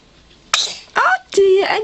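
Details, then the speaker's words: Repeated sneezes from a baby girl in her swing during a sneeze attack: three sharp, brief bursts in quick succession. "Goodness, that was a lot of sneezes. Sneeze attack. Bless you. She's having a sneeze attack."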